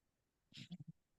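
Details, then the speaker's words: A brief airy snort followed by three quick low rattling pulses from a sleeping English bulldog; snoring. "I'm going to try and get bears snoring. Right. You hear them?"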